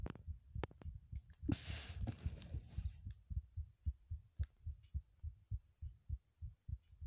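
Rapid, steady low thumps with a brief rushing noise early on; a fast heartbeat.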